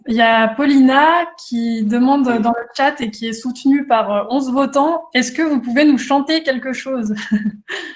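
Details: Adult speaker, French; normal speech.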